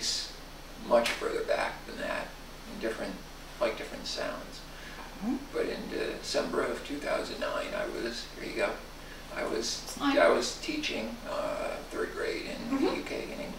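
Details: Adult man diagnosed with spasmodic dysphonia and muscle tension dysphonia by three voice clinics, after a prior ENT exam and a course of speech therapy; speaking during voice rehabilitation, which he reports is improving his voice; spasmodic dysphonia.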